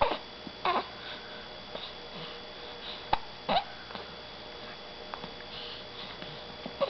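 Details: Several brief, abrupt hiccup-like catches over a few seconds with fussing sounds and room noise, from a child who gets mad about his hiccups; hiccups.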